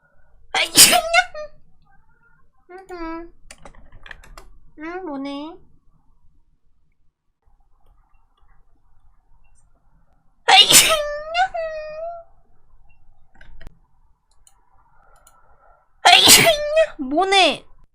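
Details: Three loud, sharp sneezes, each followed by short high-pitched voiced sounds, with quiet room noise between; sneezing.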